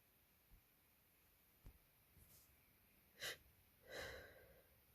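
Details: Someone with a cold whose sneezes keep getting stuck: quiet catching inhalations with nose twitching build to a couple of short, stifled sneeze-like bursts; sneezing with pre-sneeze breath hitching.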